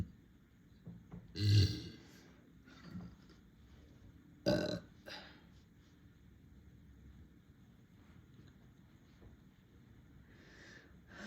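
Two deep, loud burps a few seconds apart in a quiet room, with softer throat sounds after each.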